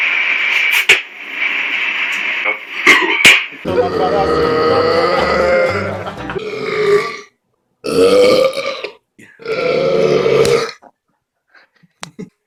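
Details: Burps after quickly drinking: about three long, loud, voiced burps, with background noise and talk before them; burping.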